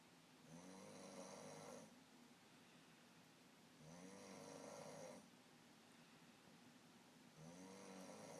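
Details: Man recorded asleep by his girlfriend, snoring said to have worsened: three rattling, buzzing snores of about 1.5 seconds, one every 3.5 seconds, roughly 17 breaths a minute; snoring.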